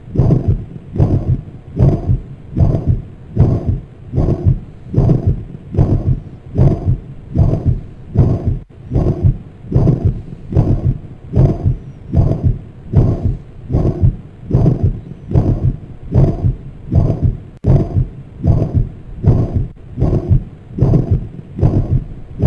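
Regular heartbeat at about 75 a minute with a loud, blowing murmur filling each systole: a holosystolic mitral regurgitation murmur.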